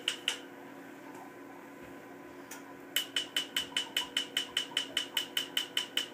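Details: Laser tattoo removal: a few scattered clicks, then sharp regular snapping clicks at about 150 a minute as the laser fires pulses.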